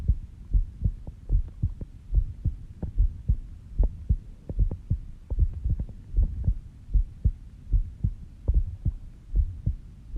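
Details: Self-recorded heartbeat while sleeping, at 5:30 am, with a rate of about 70 bpm: steady, regular, low heart thumps; a normal slow resting heartbeat.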